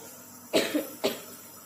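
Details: Two short, moist coughs from a child with a cough and cold.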